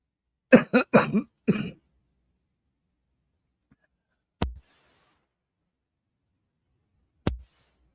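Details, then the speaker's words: Adult with breathing problems using breathing treatments and prednisone gives a quick run of four wet, rough coughs with wheezy, whistling edge, then quiet with two knocks; chest tightness described, cough with wheezing. "You know? You know. Yeah, you can hear it, the wheezing. Yeah, I need something to break that shit up."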